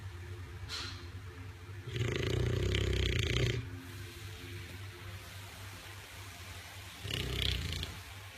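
Two loud, harsh, rumbling snores about five seconds apart, with noisy breathing between them. Snoring in a sleeping bulldog.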